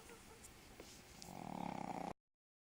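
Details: Sleeping dog snoring: after a quiet start, a low fluttering rattle builds toward the end of a breath.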